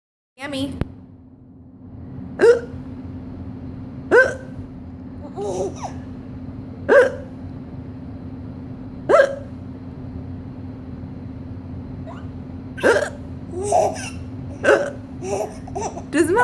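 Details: Mother with hiccups: repeated short, abrupt voiced hiccups about every two seconds, with laughter and room hum; ordinary hiccups.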